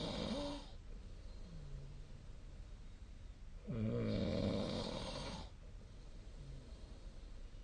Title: 🐽 本日のイビキ / Snoring Sleep Sound 2025/02/17